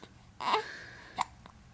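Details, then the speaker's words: A baby with hiccups that have lasted all day: two abrupt, brief voiced hiccup catches about 0.8 seconds apart. "don't cry it's just hiccups just [Music] hiccups oh come on it's just hiccups it's no big deal everybody gets [Music] hiccups"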